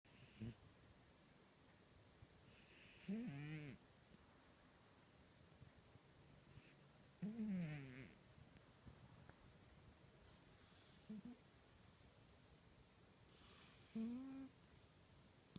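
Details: Violent snoring from a sleeping pet cat: deep, rattling snores with whistling edges every few seconds, about four breaths in fifteen seconds.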